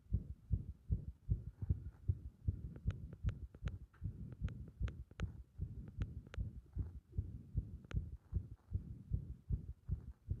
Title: 心臓はじけるような不整脈 圧迫心音